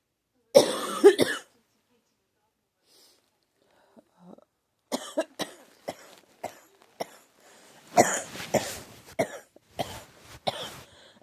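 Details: Adult with pneumonia who says the cough hurts: a forceful opening cough, then after a pause a string of short, repeated cough bursts.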